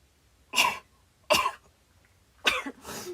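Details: Four short, sharp bursts of coughing about a second apart in a quiet room, from a compilation of Japanese girls sneezing. Cough.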